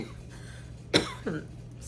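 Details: Patient recovering after surgery on surgery day: a single short, held-back cough with a weak follow-up, a guarded cough after abdominal surgery.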